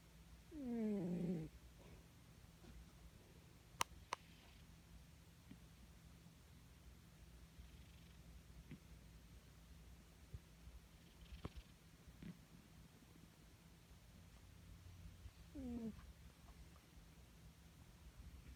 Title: My cat snoring and purring for 36 seconds